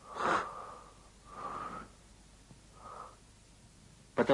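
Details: Laryngotracheal breath sounds heard over the larynx and trachea: harsh, hollow, coarse-timbred breathing made by air passing through the glottis, a normal finding.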